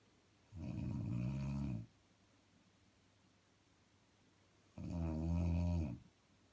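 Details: Person snoring while asleep: two deep, rumbling snores, each about a second long, separated by quiet pauses.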